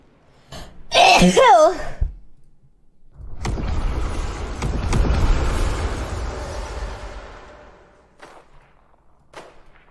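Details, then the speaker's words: Huge sneezing attack blamed on allergies, recorded during a gaming stream: a loud forceful burst with wavering voice, then a long rushing noise and a few softer bursts; repeated allergic sneezing. "oh my God at least I'm sneezing a lot today and not tomorrow cuz if I was cooking I'm sneezing this much that'd be disgusting"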